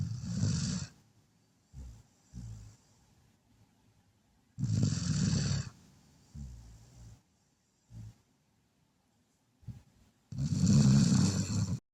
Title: Sleepy Red Heeler doggo snoring